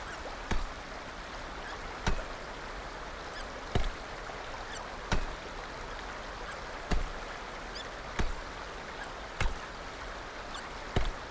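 Brief sharp catches about every 1.3 seconds, roughly 45 a minute, over steady background hiss: infant hiccups, a normal finding.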